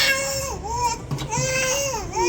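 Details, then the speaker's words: Baby girl crying from pain right after ear piercing: high-pitched, wavering crying in short sustained bursts with catch breaths between, settling soon afterward. "she done crying see that's it it's just the pain at first and then it's over with"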